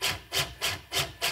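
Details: corpuls cpr mechanical chest compression device running during a function test, not on a patient: regular rhythmic rasping mechanical strokes about 100 a minute, running normally with no error messages or alarms.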